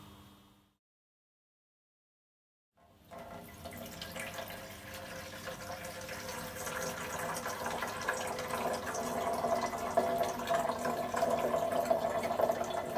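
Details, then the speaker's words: Steady running water rising in pitch as it fills a bottle: sterile water poured to the mark in an underwater-seal chest drain bottle. "the bottle needs to be filled to the mark with sterile"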